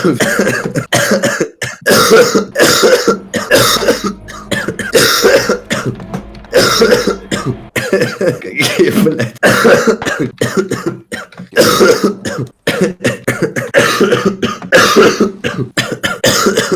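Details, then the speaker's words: Repeated bouts of harsh coughing mixed with throat clearing, in clusters with brief pauses, from a man who coughed all evening and says coughing feels so bad his eyes bulge; a cough. "Мне так плохо, когда я кашляю, что такое ощущение, что глаза на лоб вылазят."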